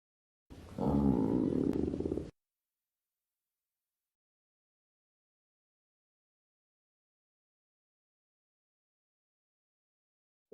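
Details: Everest's stomach growling: a single low rumbling gurgle of about two seconds from a cat's stomach, then silence; borborygmi.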